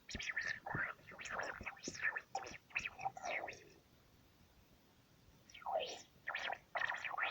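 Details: Stomach growling (borborygmi) attributed to hunger: irregular bursts of gurgling, squeaky rumbles with rising and falling pitch, separated by a quiet pause.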